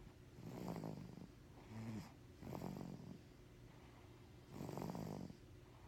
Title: snoring